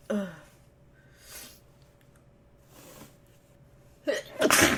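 A sharp intake of breath, then a loud explosive sneeze at the end, with a soft breathy burst before it. Sneezing.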